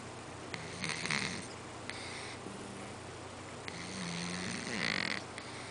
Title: cat snoring on couch